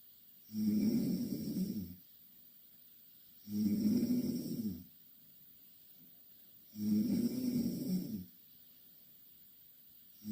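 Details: Two Korean girls snoring in the same bed: loud rhythmic inspiratory snores, about three in ten seconds (roughly 18 per minute), with quiet gaps between.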